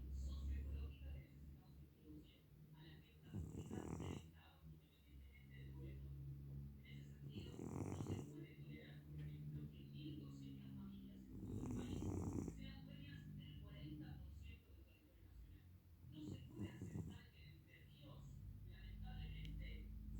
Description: My beloved cat Michi snoring